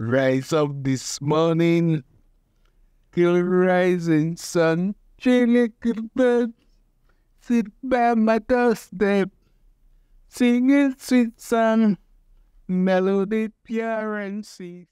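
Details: Man with aphasia after stroke, speech returning only slowly while singing is described as intact; sung lyrics contain word errors; aphasia after stroke with preserved singing.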